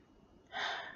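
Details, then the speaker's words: Nursing respiratory assessment of a female patient, stethoscope on the right back at the level of the last rib over the right lower lobe; a single deep, smooth inhalation with clear normal breath sounds, no wheeze or crackle. "fields are clear so far and then for this right side I'm gonna go just at the level of the last rib here and get her to take one last deep breath for that third lobe of the right lung"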